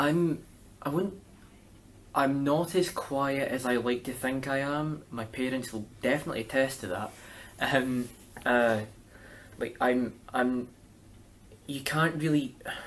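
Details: Stuttering (stammer) in a young male speaker describing his own stammer.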